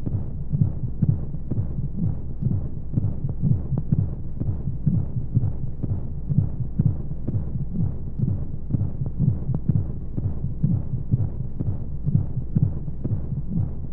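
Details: Womb sound played as a baby sleep aid with white noise: steady, low, muffled heartbeat thumps, about 125 a minute, over a constant low whooshing rumble, as if heard from inside the womb.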